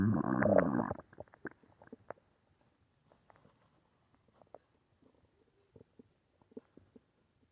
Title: Uhh... stomach growling.